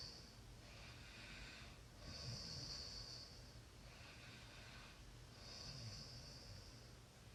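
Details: Snoring during sleep: soft, hissing snoring breaths about every three and a half seconds against steady room noise.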